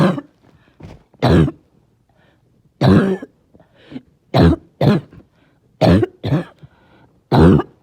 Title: Barking Cough (trying not to choke)